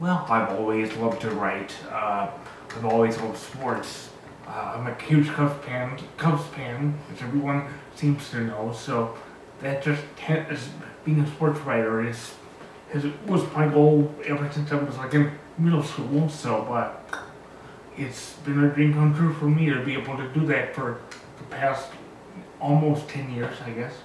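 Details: Dysarthric speech from a 36-year-old man with cerebral palsy, born two months premature, described as very high functioning.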